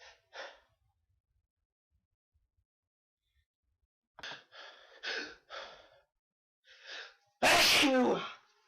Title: Sneezes